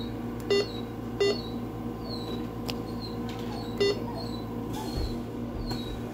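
Three short electronic beeps over steady room hum, from a fluid infusion pump being programmed; ordinary setup beeps.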